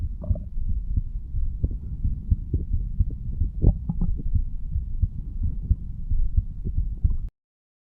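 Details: 35-year-old male standing up, recorded at the mitral/bicuspid valve area; low muffled heartbeat thumps at about 90 per minute over steady low rumble; normal heart sounds.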